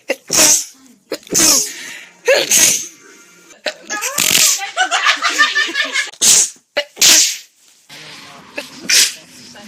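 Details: Compilation of one person's own sneezes recorded over two years, cut back to back: about eight sharp, explosive sneezes in ten seconds, some with a voiced lead-in; repeated sneezing.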